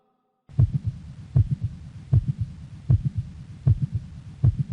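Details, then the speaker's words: Mid-systolic click recorded at the cardiac apex: regular heartbeat near 78/min with a sharp, high-pitched, relatively loud extra click exactly in mid-systole between S1 and S2, diagnosed as mitral valve prolapse. "now in this case the click actually happens to be exactly in mid systole therefore the diagnosis is mitral valve prolapse a very important and very common encountered event"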